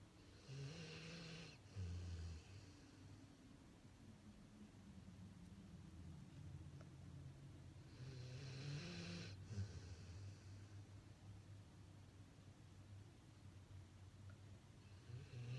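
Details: Pit Bull dog in deep sleep, undisturbed as cereal is stacked on his head: two long, rough, low snores about seven seconds apart over a quiet background; snoring.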